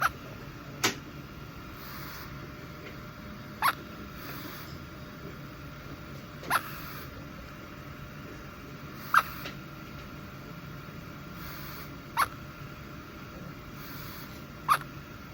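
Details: Baby quintuplet getting hiccups for the first time while held by an adult: soft, brief hiccups every 2.5 to 3 seconds, six in fifteen seconds, over steady room hum.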